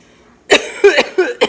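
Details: An adult with cystic fibrosis gives a run of four short, rough coughs while resting on the couch, on a day of recurrent hemoptysis (coughing up blood) and taking pain medication: cough in cystic fibrosis.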